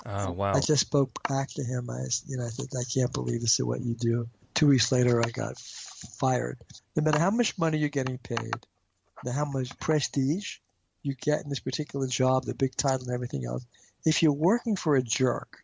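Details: Stuttering in an adult man, a marketing executive who has a stutter.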